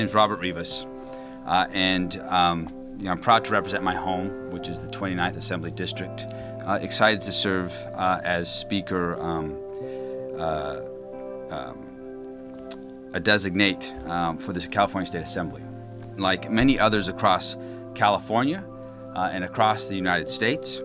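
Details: Stuttering in an adult man who has stuttered his entire life and cannot say certain words; filled pauses and a block are audible.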